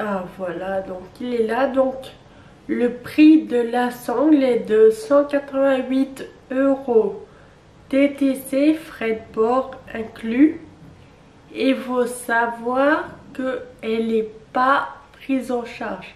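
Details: 27-year-old woman with Friedreich's ataxia, a genetic neurodegenerative disease, which she says makes her speech neither fast nor loud; ataxic dysarthria.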